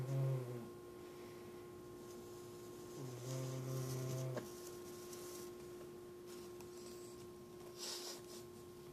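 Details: Pet cat snoring while snoozing during the day.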